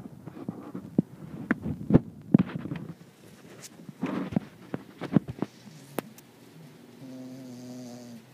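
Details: Dodger resting in the afternoon, snoring.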